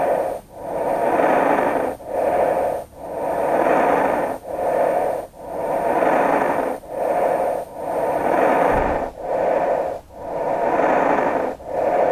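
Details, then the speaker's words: Patient positive for severe COVID-19 pneumonia: harsh, rapid breath sounds at about 25 a minute with crackles and wheeze. "listen to an example of a patient positive with severe covid19 pneumonia"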